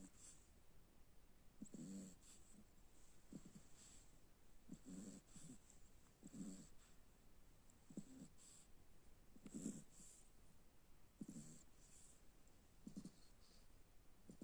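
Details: Snoring in a sleeping cocker spaniel dog: low, rumbling breaths with a hissy edge, about eighteen a minute, each under a second.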